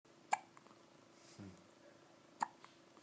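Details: Baby with hiccups: repeated hiccup sounds from an infant.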